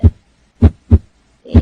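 Clear paired low thumps, lub then dub, regular rhythm; normal first and second heart sounds from valve closure.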